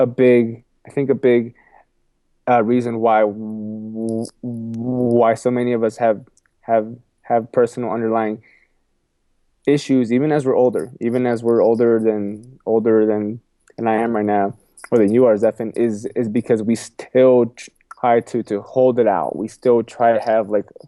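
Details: Adult man with a lifelong stutter, repeating a phrase and words several times and saying "excuse me"; stuttering.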